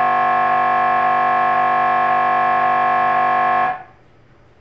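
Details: MRI brain scan recording: loud, steady buzzing drone from the MRI scanner during normal operation, stopping abruptly; MRI scanner noise.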